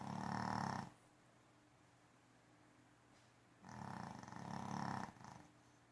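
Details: Loud, coarse, rumbling breaths separated by long quiet pauses; heavy snoring.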